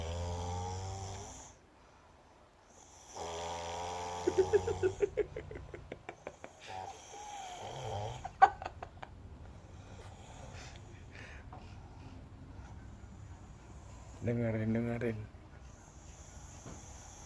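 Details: Loud, rough snoring on the breaths with rattling flutter between snores from a younger brother in deep sleep, eyes seemingly still open while asleep; ordinary heavy snoring.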